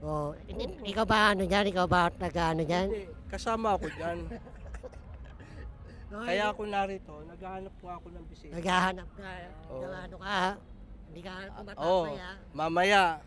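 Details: Filipino show host described as "ngongo" (nasal speech), asking a quiz question in Tagalog during an outdoor interview game in a park; hypernasal speech.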